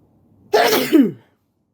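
A single explosive sneeze with a voiced tail, in an otherwise quiet room.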